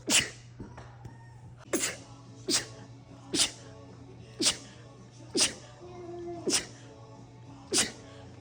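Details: Rapid repeated sneezing clip from a social-media compilation: about eight sharp sneezes in quick succession, roughly one a second, over a steady background hum.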